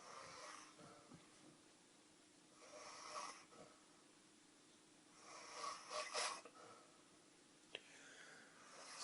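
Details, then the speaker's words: Adult man asleep on a couch at 2 a.m.: loud, rough, rattling snores with each breath, roughly every three seconds, with quiet gaps between, in a small room; described as light snoring. "my cousin has decided to crash on the couch with me the guy snores must be [ __ ] beast just listen to this this is light"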